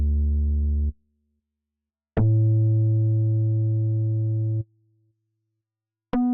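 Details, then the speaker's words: Simulated audiometry in an ASMR hearing exam role-play, not a real clinical test: steady pure tones switching on and off with silent gaps. "remember to raise your hand if you hear anything on that side okay let's start the uh hearing process"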